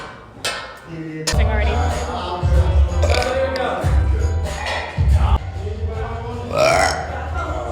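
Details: A woman burping while gaming: several long, low, rumbling belches mixed with talking and background music.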